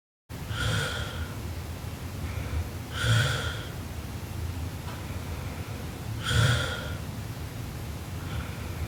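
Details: Sleeping Japanese girl snoring: loud, rough snorting breaths about every three seconds, roughly 18 a minute, over steady room noise.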